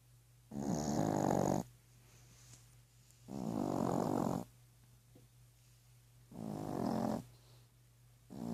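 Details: Sleeping panther snoring: slow rhythmic rumbling snores about every 2.8 seconds, roughly 21 breaths a minute, with quiet pauses between.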